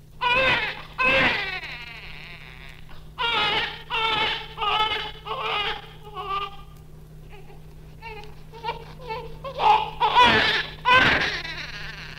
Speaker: the first sound is the strong Lusty Cry of a full-term normal neonate birth weight 5 kilos the recording was made a few minutes after birth